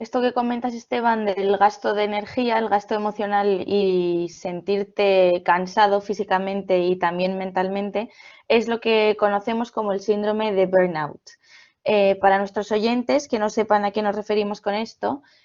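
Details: Adult woman speaking Spanish; no speech disorder.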